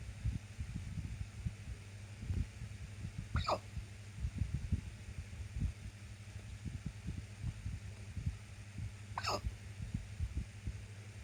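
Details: Randomly occurring hiccups: two brief, high, squeaky gulps about six seconds apart over low rumbling noise.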